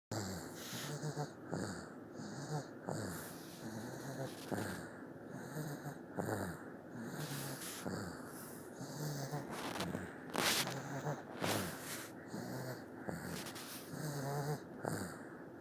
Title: Baby snoring